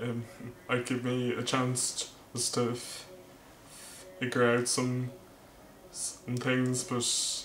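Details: Male vlogger who stammers, speech with word repetitions; stuttering.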